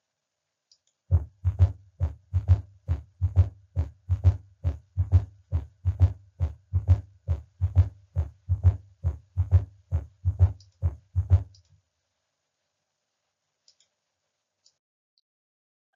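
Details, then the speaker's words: S3 gallop, teaching example heard at the apex with the stethoscope bell, patient in left lateral recumbent position: regular heartbeat near 68 a minute with an extra soft low thud just after S2 in diastole, cadence like "Kentucky." "S1 S2 and you'll note that S3 occurs just after S2 and does occur in the diastolic"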